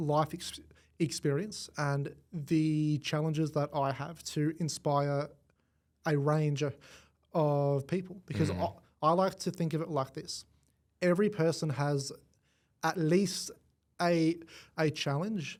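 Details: Adult man born with cerebral palsy affecting his whole left side; stutter described as a symptom of it, first noticed around age five, went away about a year then returned worse; treated with the McGuire Programme; stuttering.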